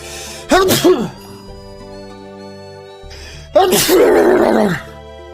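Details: Two loud voiced sneezes, a quick double burst then a longer drawn-out one, over background music.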